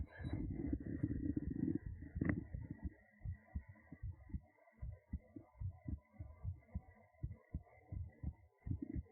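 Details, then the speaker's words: Heartbeat, with a cat nearby: soft, quick low thumps after some rustling, roughly 110 beats a minute; a normal, slightly fast heartbeat, the listener's own heart described as beating fast. "Heartbeats are still a little work in progress, so you have to listen very closely."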